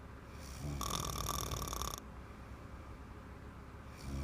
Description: A bottle of wine was a bad idea before I give her a massage, 5 mins in she was knocked out and snoring.